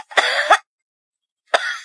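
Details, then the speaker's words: Child's dry cough: two short, harsh bursts with no wet rattle, described as usually due to viral infection. "الكحه ممكن تكون جافه عاده بسبب التهاب فيروسي او"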